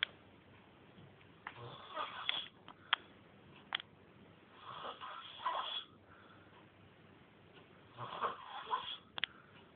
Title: Snoring